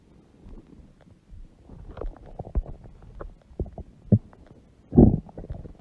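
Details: Adult woman (mother) with a large belly: irregular gurgles and low rumbling bubbles with one louder surge; normal stomach growling bowel sounds.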